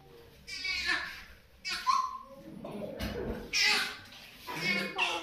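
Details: Bursts of high, strained crying with gasping breaths between from a newborn baby at its first vaccination.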